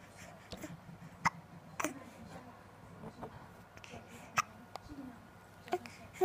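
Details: Repeated short, sharp hiccups from a smiling baby, about five in six seconds, with soft background noise; hiccups.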